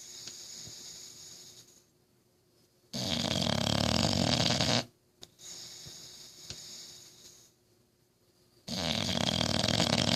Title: Can you snore louder than me?